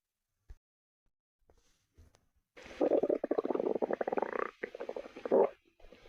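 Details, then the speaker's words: Stomach growling in someone who has not eaten anything: a long, bubbling, gurgling growl lasting about three seconds, ordinary borborygmi from an empty stomach. "Wait, is that your tummy I hear? Yes, it is."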